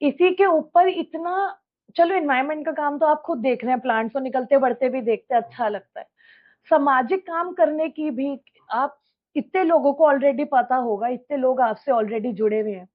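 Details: Adult woman; typical speech.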